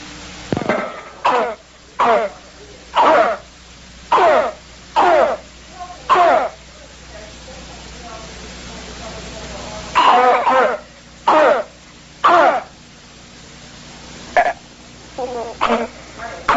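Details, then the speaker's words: Habit cough syndrome in a child (not the girl described, but a similar case): loud, repetitive, dry barking cough in rapid honking bursts, absent once asleep. "So this is the habit cough syndrome. The clinical characteristics are this loud, repetitive, dry barking cough."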